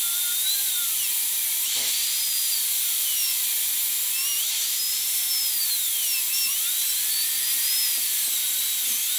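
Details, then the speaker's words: High-speed dental drill with a continuous whine, pitch rising and falling with cutting load, during a full zirconia crown prep on tooth #3: guide cut along the oblique ridge joining the distobuccal cusp guide cut. "I will do another guide cut along the oblique Ridge and it will connect with the other guide cut on the distal buccal cusp going along that triangular Ridge"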